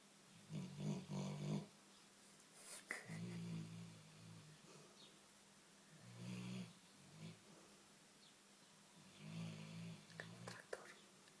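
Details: Big black Labrador snoring while asleep and dreaming: low, rumbling snores about every three seconds, roughly 20 a minute, in a quiet room.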